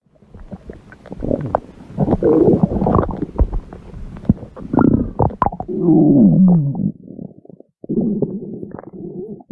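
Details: Red panda's stomach growl: low gurgling and rumbling bursts with squeaky bubbling runs, bowel sounds from gut movement.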